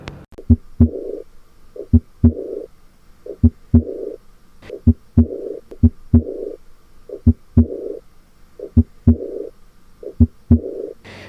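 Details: Regular heartbeats, each second sound followed by a soft blowing murmur that fades away, an early diastolic murmur of aortic regurgitation, as used in a cardiac murmur review.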